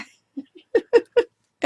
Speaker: sorry about the noisiest my dog is snoring